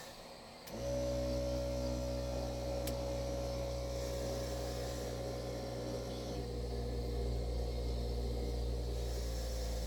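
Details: A 17-year-old quadriplegic, ventilator-dependent boy receives mechanical insufflation-exsufflation (cough assist) outdoors in the woods. The machine starts with a steady motor hum and keeps running against faint outdoor background.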